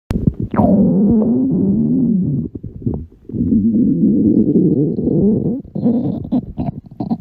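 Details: Woman in a bikini with audible stomach growling: long, warbling low gurgles and rumbles with brief pauses; loud but normal borborygmi.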